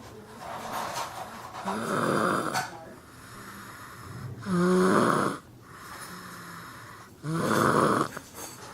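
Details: Steady rhythmic snoring, about 21 breaths a minute, rough rattle on breaths in and softer breaths out, from a boy sleeping in a basket; ordinary snoring.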